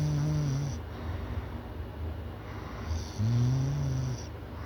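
Loud, deep, droning snores on the breaths, two long snoring breaths about three seconds apart.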